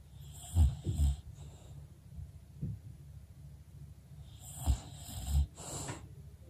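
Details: Female English bulldog snoring while lying still and resting, with playing heard in the background.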